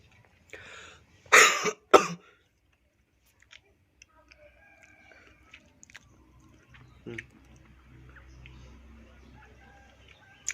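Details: Person with chest pain who noticed red, blood-like traces after coughing and upper throat pain: two harsh coughs close together, then a quiet room with faint movement; cough.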